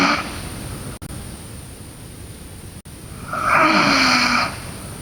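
Noisy rasping breath sounds with a fluttering tone on one breath in a quiet room, consistent with snoring during sleep.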